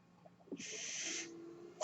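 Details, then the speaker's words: Mechanical ventilator breath cycle audible in the background as an adult man who uses a ventilator speaks. "Hello, everyone. My name is. That noise you're hearing is my ventilator."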